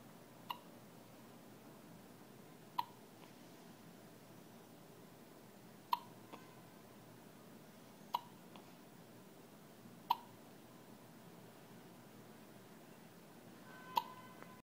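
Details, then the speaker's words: Six sharp, brief hiccups roughly every two to three seconds over a quiet room hum; hiccups persisting despite a sneeze. "Looks like the sneeze cured the hiccup. Nope."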